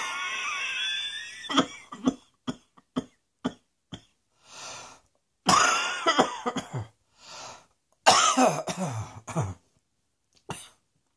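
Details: Two bouts of repeated harsh coughing, each a burst of rapid coughs followed by sharp breaths in, with a throat-clearing start; repeated coughing fits.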